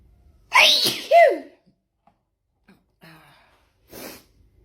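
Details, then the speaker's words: Sneezing fit with no known trigger (possibly perfume, cleaning products or powder): two sneezes in quick succession, then a soft third burst after a pause; repeated sneezing in a run. "I go again, another sneezing fit. Oh gosh, it's that's it. That's all of it. Oh dear. Oh dear, it just goes on and on."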